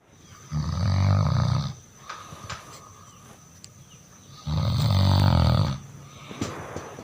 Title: The cat sleeps and snores#cat #animals #funnyvideo #shortvideo